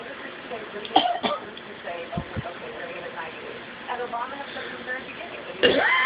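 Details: Pet bird imitating a human cough after hearing a family member cough: several short, harsh, throat-clearing bursts, a fake cough.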